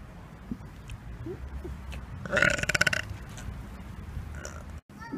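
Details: Deliberate burp in public as a prank: a loud, drawn-out, rattling belch lasting under a second over faint background voices and room noise.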